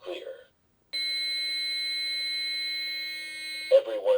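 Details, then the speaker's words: Adult AED training demonstration on a patient with pads placed: after the "Charging. Everyone stand clear." prompt, a steady high-pitched continuous tone signals the defibrillator is charged and ready to shock. "AED: Charging. Everyone stand clear."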